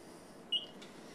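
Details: Single short high beep as a button is pressed on an IV infusion pump while programming secondary piggyback settings (secondary overfill yes) before pressing start.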